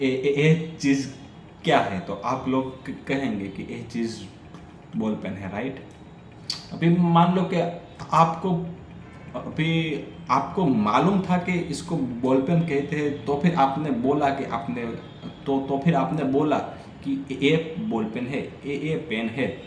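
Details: Adult man who stammers, on Day 6 of a daily stammering practice routine (breathing, vowel, tongue and lip exercises, tongue twisters, story telling), telling a story in Hindi; stammering.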